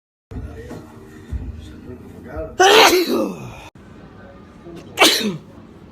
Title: Sneezing fits